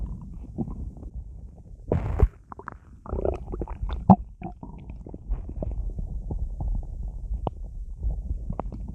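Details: Irregular gurgling and rumbling with squelches and bubbly pops from a stomach bloated by drinking a lot of soda while lying in bed; ordinary active bowel sounds of digestion.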